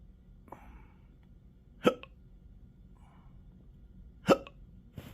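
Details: Chronic intractable hiccups with belching and choking spasms since December 2015, occurring in 12-hour episodes, with developing achalasia: two sharp, abrupt hiccups about two and a half seconds apart in a quiet room.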